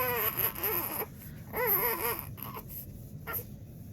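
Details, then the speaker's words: Two-month-old baby boy, fussy crying: short bursts of wavering cries broken by pauses and whimpers; parent thinks he has tummy aches and seems frustrated. "all right i don't know what he's upset about but i gotta fix it"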